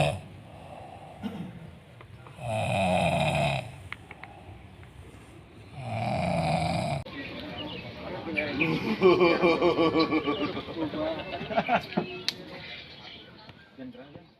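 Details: Snoring from a person who fell asleep sitting on a motorbike: two loud, rough snores on breathing in, followed by background voices and laughter.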